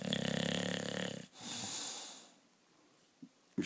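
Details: A rough, buzzing snore followed by a softer airy breath and faint sounds in a quiet room, while sleeping; snoring.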